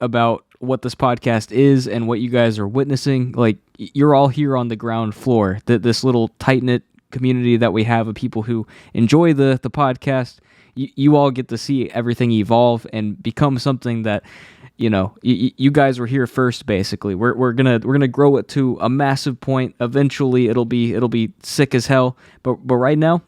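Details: Adult male who has stuttered since childhood; a specialist's help was temporary, and he says anxiety makes it worse; stutters are left unedited in this recording; stuttering.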